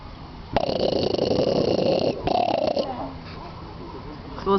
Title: snoring seal at Zoo Duisburg